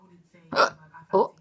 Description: Funnily enough....drunken hiccups